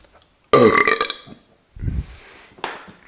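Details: Loud, rough belch lasting about a second, then a quieter second belch after drinking ginger beer; ordinary burping.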